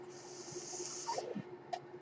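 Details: Podcast host's own mechanical ventilator heard while he speaks: steady airy hiss of air being pushed for about a second, then a pause and a soft click over faint room hum.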